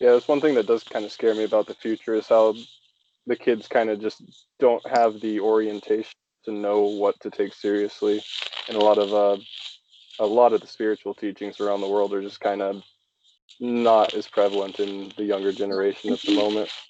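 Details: Adult male speaker; normal speech.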